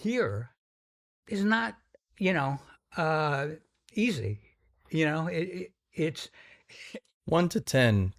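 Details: Stuttering in an adult man described as having a pretty strong stutter whose severity varies; stutters sometimes noticeably.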